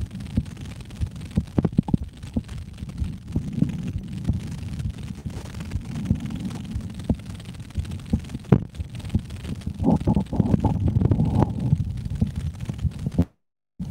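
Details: Adult woman's heartbeat heard through a stethoscope in a casual live recording: soft low thumps under steady rumbling noise at a normal resting rate; normal heartbeat.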